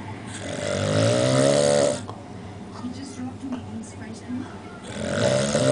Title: This boy can snore